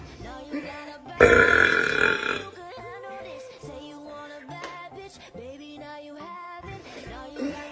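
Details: Deliberate belching by a girl: one loud, drawn-out belch of about a second over background music, then music and voice.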